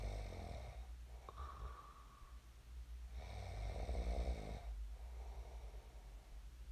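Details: Real recording of a person snoring in their sleep, shared as snoring ASMR: low rumbling snores on the breaths with one long snore midway, over a steady low room hum; adult sleep snoring.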